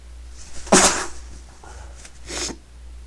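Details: An adult tries but fails to hold back a sneeze in a quiet room: one sharp, stifled sneeze, then a softer second burst.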